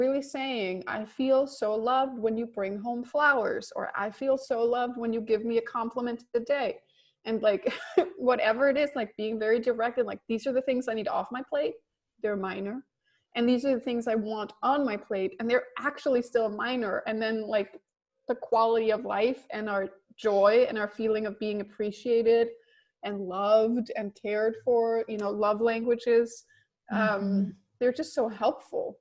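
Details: Adult woman speaking; normal voice.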